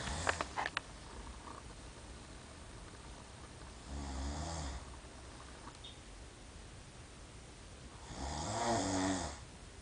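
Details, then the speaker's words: Brother snoring loudly while asleep after staying up all night playing video games; snoring. "Listen to my brother snore."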